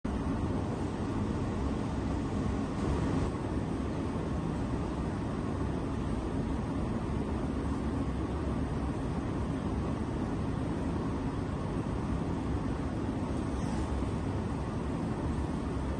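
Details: Hajet automatic steam cleaning machine for jewelry and dental use, with automatic water intake and heating and a 6-litre capacity, running; loud continuous low rumble and roar with no distinct bursts.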